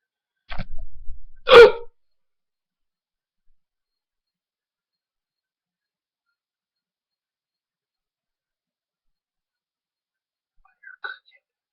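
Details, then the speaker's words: Man with loud hiccups: a couple of abrupt, sharp hiccup sounds, then quiet, with a faint one near the end; ordinary hiccups. "let me show off my hiccups one more time"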